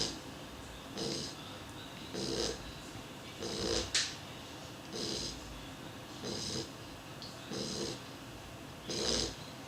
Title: Snoring beagle